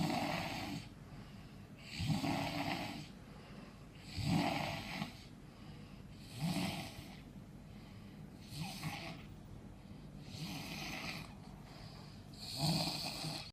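Regular rough snores about every two seconds, roughly 27 a minute, each with a rasping, airy quality.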